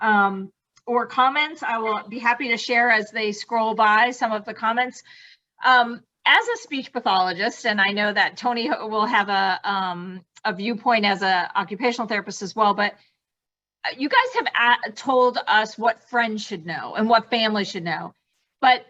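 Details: Adult woman speaking; no speech disorder.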